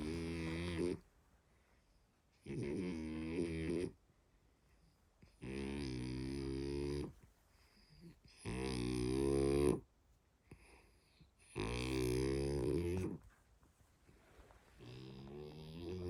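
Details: French bulldog puppy, nearly 11 months, tired after dinner and sleeping on a sofa, making high, whistling, buzzy snores on each breath, about 20 a minute, with quiet pauses between. Dog snoring.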